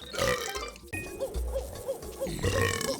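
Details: Burp compilation: deep, gurgling belch sounds over loud background music; burping.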